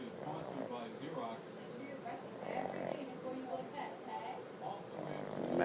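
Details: Female pug, deeply asleep and not waking even for a treat, snoring with her eyes open: soft, steady snuffling and rattling breaths with low talk in the background, snoring in a flat-faced dog.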